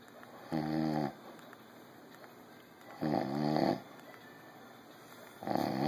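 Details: Repeated buzzing snores on each in-breath, about one every two and a half seconds, over faint room noise; a father snoring.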